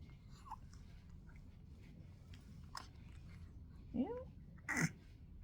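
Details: Baby sneezing: quiet room with soft clicks, a brief infant vocal sound, then a short, sharp burst of breath, a single baby sneeze.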